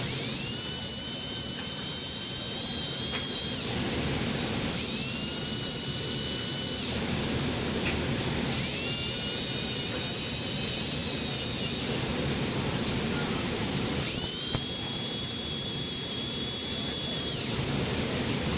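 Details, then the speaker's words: High-pitched whine of a dental handpiece in repeated bursts as a sand disc polishes the marginal ridge of a Class II maxillary MO composite filling on tooth #3. "I would polish this a little more with more coarse disc, but I'm sure you guys don't want to watch me do that for 10 minutes, so I'm just going to move on to anatomy."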